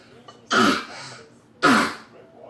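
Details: Two loud, harsh coughs about a second apart with quiet breathing between them; cough.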